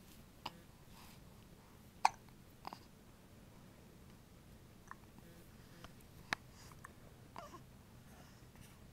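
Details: Person with hiccups in a quiet room, soft, sharp hiccups at irregular intervals with light breathing between; hiccups.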